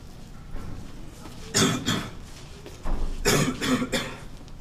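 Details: Simulated (acted) coughing from a short art film about a cougher: two harsh coughs, then a burst of three, with throat-clearing between, in a small room.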